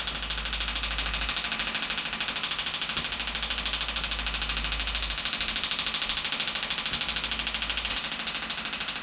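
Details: Radial shockwave handpiece firing continuously at the hamstring origin over the ischial tuberosity with gel, hamstring tendinopathy, 2,500 pulses at 12 Hz and 2 bar: rapid, steady mechanical tapping at about 12 pulses a second.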